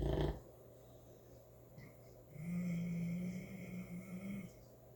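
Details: Sleeping St. Bernard puppy snoring: a short snort, then a long, steady, low droning snore with a faint whistle on the breath.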